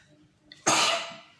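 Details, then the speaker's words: A brief quiet intake of breath, then one sudden loud explosive burst through nose and mouth fading over half a second; a single sneeze from an adult after an itchy nose. "comme à chaque fois que je fais une crise d'éternuement ou un éternuement tout court et ben on dirait que j'ai envie d'encore éternuer"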